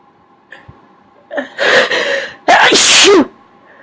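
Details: Sneezing triggered by tickling the nose with a q-tip: two sneezes in quick succession, each a sharp inhaled build-up and an explosive burst.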